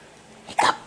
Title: Hiccups.mpg